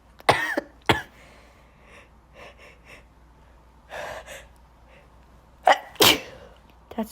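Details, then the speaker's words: Sneezing fit from allergies: several loud, explosive sneezes in quick pairs with sniffs between; the person says such fits usually happen at night. "it's been a long time since I I record um loud sneezes"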